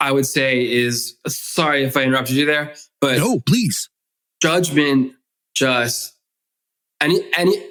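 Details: Adult man who has stuttered since childhood, speaking in adulthood; stuttering.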